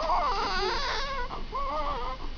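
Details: Loud, strong crying in short wailing bursts with a clear, steady pitch from a newborn baby girl just after birth; a vigorous normal newborn cry.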